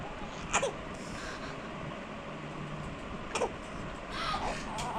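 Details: Baby coughing: two brief, soft coughs with a faint whimper afterward over steady background noise.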